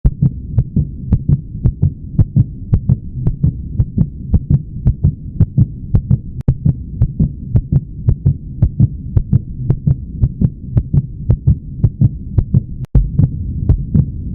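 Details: Human heartbeat: steady paired low thumps at roughly 55 beats a minute over a constant low hum, a normal heart sound.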